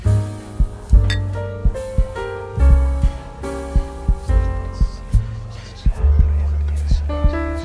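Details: A quiet, steady heartbeat of soft paired lub-dub thumps, about 60 a minute, under slow calm piano sleep music meant for relaxation; heartbeat.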